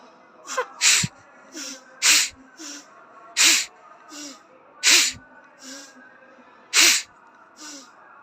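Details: About five forceful, sharp sneezes in a row with quick gasps between them, after Jal Neti nasal rinsing during a yoga session. Repeated sneezing is an expected response to the rinse.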